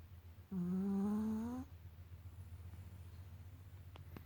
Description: Our passed out puppy after a long day of swimming.